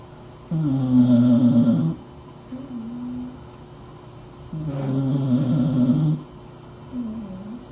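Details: Dachshund sleeping under a desk: two long, loud, rattling snores on inhaling, each followed by a softer buzzing exhale, in a quiet room. Snoring.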